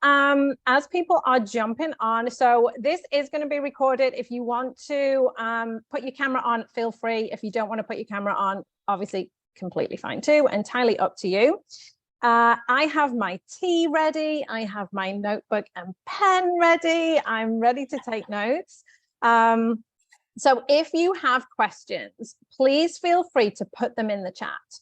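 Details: Adult woman; normal speech.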